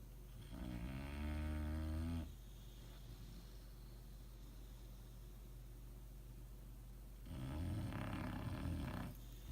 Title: Snoring Bulldogs